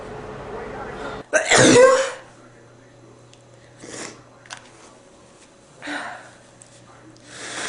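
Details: Man sneezing: one loud, explosive sneeze followed by quieter sniffs and nose blowing in a quiet room.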